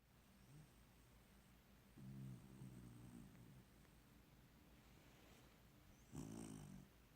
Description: He was snoring like a person until the AC kicked on and woke him up.